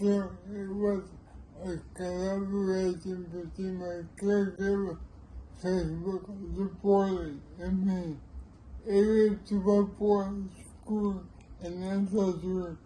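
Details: Older man with cerebral palsy; dysarthric speech.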